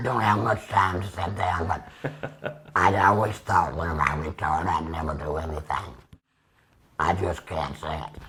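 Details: 75-year-old man using tracheoesophageal speech about two years after laryngectomy (tracheostomy, then radiation), with a Provox Vega voice prosthesis, extra HME cassette and Stabila base adhesive.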